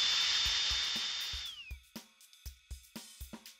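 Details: Dental high-speed handpiece running at about 32 psi air pressure during maintenance checks: a steady high-pitched turbine whine that winds down as the air is cut, followed by light clicks.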